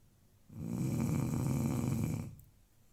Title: Dog snoring